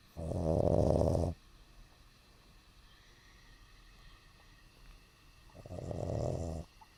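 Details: A dog snoring while awake with its eyes open: two long, loud, rattling snores separated by a quiet pause.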